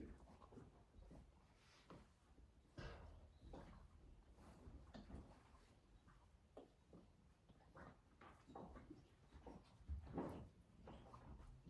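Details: Belly gurgling from a female animal resting a back leg during cold laser treatment for back pain, breathing slower and deeper: borborygmi.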